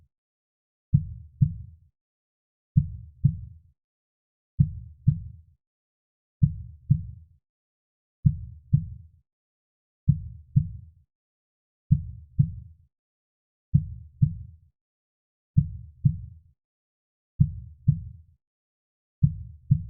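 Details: Recorded heartbeat for relaxation: steady two-part thumps, very regular and slow at about 33 beats a minute, with no other sounds; heartbeat.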